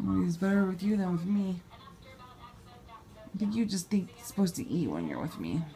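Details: Adult speaker; normal voice.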